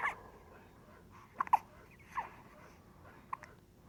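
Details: Newborn baby: soft, abrupt catching sounds repeating four to five times over a few seconds in a quiet room; hiccups.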